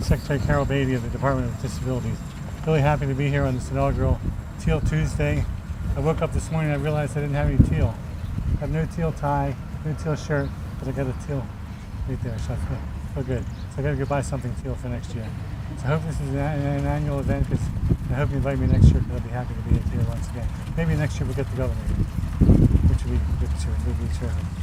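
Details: Adult man diagnosed with Parkinson's disease about nine and a half years ago, which he says affects his voice; hypokinetic dysarthria (Parkinson's disease speech).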